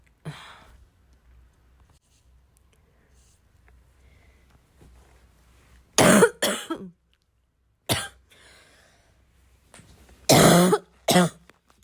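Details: Harsh, loose coughs and throat clearing in pairs and single bursts, separated by quiet pauses in a small room; a coughing fit.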